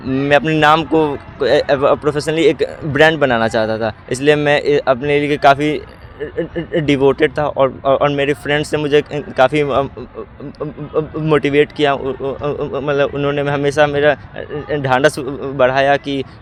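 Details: Male class 10 student with stuttering since childhood, which he says worsens with agitation and stage fear and eases with familiar people; stuttering.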